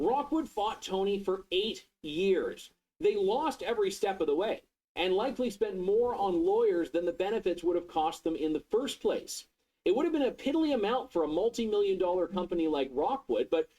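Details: Adult narrator; typical speech.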